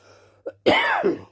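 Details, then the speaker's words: An adult commentator coughs into a covered mouth while trying to dislodge something in the throat: a brief faint catch, then one harsh, muffled throat-clearing cough over a steady low room hum. "you hear that it was a cough I was trying to get something dislodged"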